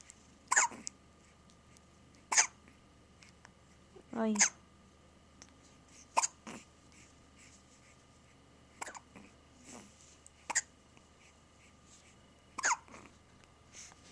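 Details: Infant hiccups, reportedly about 10 times a day, sometimes during bottle feeding: about eight short, sharp catches at irregular intervals, with faint babbling between them.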